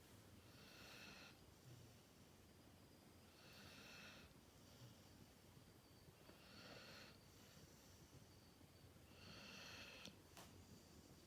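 Four slow, rhythmic raspy breaths, about 21 a minute, with quiet gaps between: a sleeping dog snoring.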